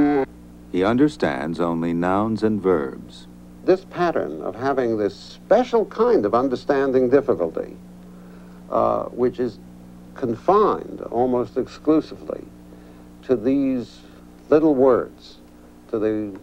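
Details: Adult man, clinician speaking; normal speech.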